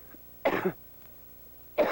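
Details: Two harsh, moist-sounding coughs, the first a double burst, the second cut off, from an adult climber at Everest base camp with an upper respiratory infection not responding to medicine, recorded on home video.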